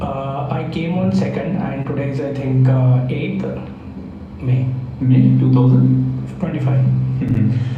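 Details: Sulcus vocalis, grade 1 with a linear phonatory gap, in a 38-year-old man with a 10-year complaint of high-pitched voice, recorded after about 6 days of voice therapy; voice is getting a little deeper.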